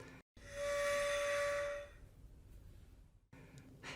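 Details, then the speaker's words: Adult purple or blue AeroChamber Plus Flow Vu spacer: a clear, steady high whistle lasting over a second, the built-in warning that sounds when breathing in too quickly. "People using purple or blue adult versions should be aware that they have an extra feature. They have a built-in whistle which will sound if you breathe in too quickly."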